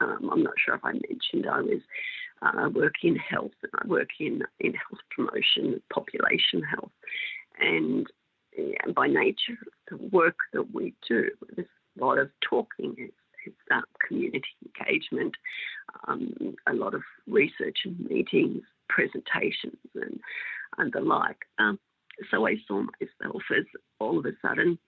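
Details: Woman with mixed adductor and abductor spasmodic dysphonia for 16 years, treated with Botox injections into the larynx, voice going in and out a little; spasmodic dysphonia (mixed adductor and abductor).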